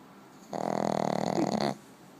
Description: My dog Maggie snores